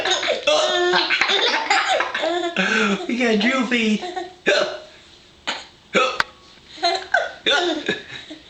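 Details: Hiccups while Daddy hiccups back, found funny: chatter and laughter, then a run of abrupt, short, jerky vocal catches at irregular intervals, consistent with hiccups.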